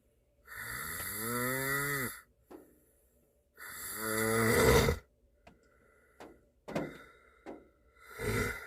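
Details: Adult man (boyfriend) asleep in a car on a snowy day, snoring: two long, loud, rattling inhaled snores with quiet gaps, faint clicks and rain patter behind.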